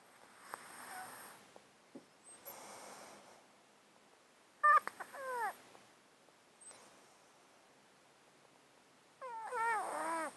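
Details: Cat sleeping in a box, recorded with a close-up mic, with a 13-year underlying disease causing constant snotty sounds and sneezing; quiet snuffly breathing with moist nasal rattles and small squeaky snorts, congested nasal stertor.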